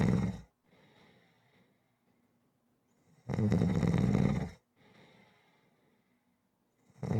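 Loud, harsh snores about every four seconds, each followed by a softer breath out; rhythmic snoring.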